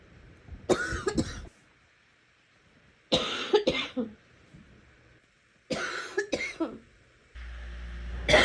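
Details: Sick person coughing, getting wetter as it goes on: three bouts of harsh, somewhat chesty coughing, two or three coughs each.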